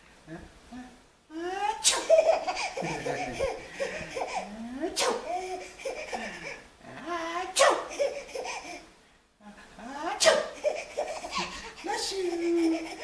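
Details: Person sneezing, possibly faked to get a blessing: four sharp, explosive bursts a few seconds apart, each followed by laughter and "bless you"; repeated sneezes.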